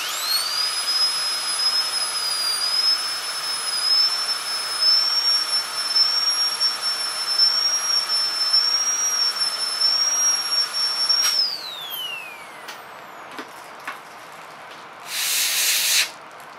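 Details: Steady high-pitched whine of a high-speed dental handpiece running, then winding down, with a short hiss of air or water spray, during an ADC practical exam demonstration of a full gold crown preparation on tooth #36.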